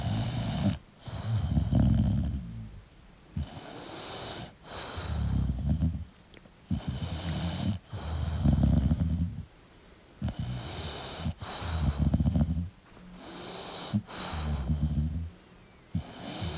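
Loud, rough, rattling snores, several within a few seconds, with snorty catches between breaths. Heavy snoring from a sleeping dog.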